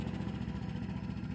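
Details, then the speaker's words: High-frequency oscillatory ventilator (HFOV) starting on an infant patient setup after reset: steady, rapid low buzzing rumble; amplitude then adjusted for chest wiggle between nipple line and umbilicus, piston centered. "and we're going to adjust our amplitude to achieve wiggle between the nipple line and the umbilicus of the baby and we're also going to Center our piston"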